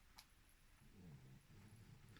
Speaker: Je sais pas si vous entendez mon petit loup qui comment qui ronfle. Un petit cœur il ronfle un petit amour.